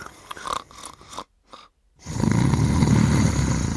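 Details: Person and her dog sleeping together: soft snuffling noises, a short pause, then a loud, low, rough, rattling snore continuing to the end; snoring.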